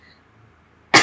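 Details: Cough from a sick student with a sore throat who coughed throughout a recorded presentation: a quiet pause, then one sharp, loud cough burst at the end.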